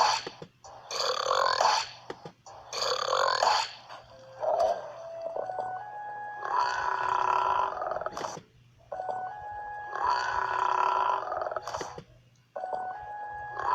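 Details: Burping: a run of loud, drawn-out belches, several in a row with short pauses between, over faint background music.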